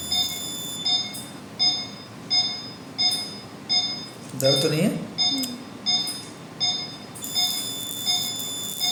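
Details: Repeated high beeps a little over one a second, brief background noise midway: CO2 laser during second laser session on a large neck scar two months after removal.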